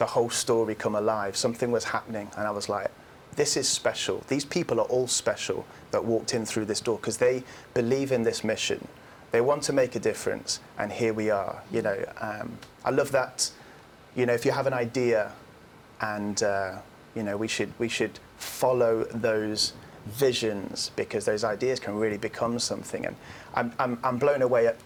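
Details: Adult man speaking; ordinary speech.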